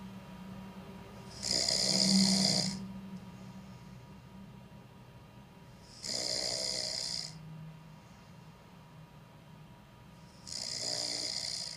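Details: Snoring during deep sleep: three hissing, whistly snores on breathing in, about 13 breaths a minute, with quiet pauses between them.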